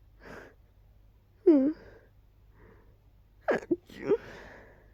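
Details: Several voiced sneezes with quick in-breaths between, in a quiet room, starting immediately on waking; person is unsure why and suspects allergies.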